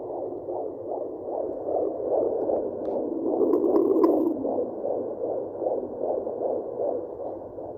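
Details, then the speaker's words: Week 22 pregnancy, home fetal Doppler: rapid whooshing fetal heartbeat of a baby boy at about 165 per minute, a normal rate. It is quieter than the office Doppler and fades as the active baby moves. "heartbeat see like it's not as loud as it would be if i were using the doppler at the uh the doctor's office and the fact that he moves every time i find his heartbeat like it's starting to get more and more faint because he's moving"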